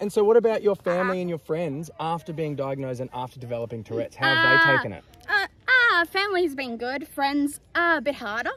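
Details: Two adults in conversation; typical speech.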